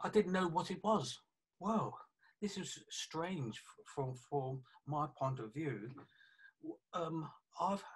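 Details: 48-year-old man with aphasia affecting communication after a stroke about three years earlier (January 2017), with right-sided weakness of hand and leg; aphasia.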